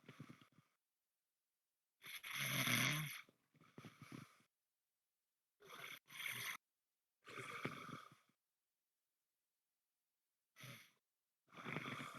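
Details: Heavy snoring with snorts: loud, harsh, rattling breath noises in bursts separated by silences.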